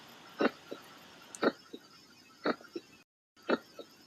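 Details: Normal heart sounds: regular paired beats at about 60 a minute. The louder first sound (S1) is mitral and tricuspid valve closure. The softer second sound (S2) is aortic and pulmonary valve closure. Normal rhythm.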